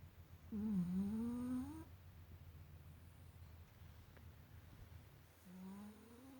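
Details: A sleeping puppy, exhausted after a long day of swimming, makes two squeaky, whistling snores that rise in pitch, about five seconds apart, over a low room hum: snoring.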